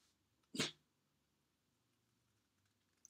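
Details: Sneeze.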